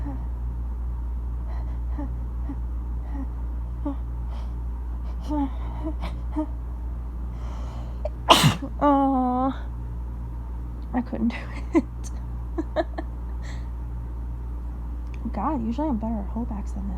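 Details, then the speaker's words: Sneeze set off by tickling the nose with a feather while trying and failing to hold it back: one sharp, explosive sneeze with a brief vocal trail over low room hum. "okay let's give it another shot usually talking um will help me hold back so i'm gonna try to talk my way through this hold back"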